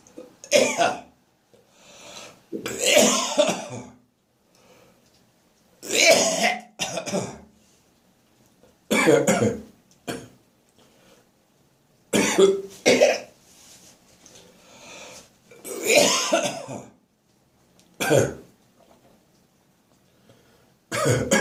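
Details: Morning productive cough in a person full of catarrh after waking: repeated wet, harsh coughs with throat clearing and gagging, clearing mucus from the chest.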